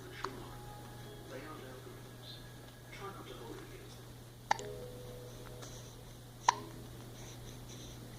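Two or three abrupt, short hiccup sounds about two seconds apart over a steady hum and faint talk; hiccups.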